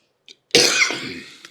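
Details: A single forceful adult cough with a sharp onset and a breathy tail, preceded by a brief intake of breath; an isolated cough.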